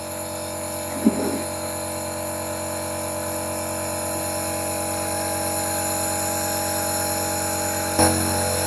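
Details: Nebulizer compressor running during treatment of a nine-month-old boy with a cold, blocked nose and difficult breathing; steady mechanical hum and buzz with brief faint knocks while the mask is held to the baby's nose, and he stays quiet.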